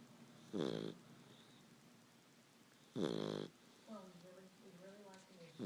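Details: Two loud buzzing snores from a sleeping puppy, about 24 a minute, with faint voices in the background; ordinary snoring.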